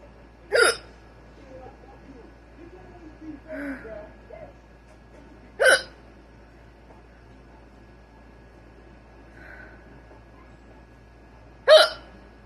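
Three sharp, abrupt hiccup sounds several seconds apart in a quiet room, with faint soft vocal sounds between them; ordinary hiccups.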